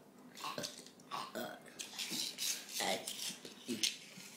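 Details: A child burping: several short burps over a few seconds, with faint room noise.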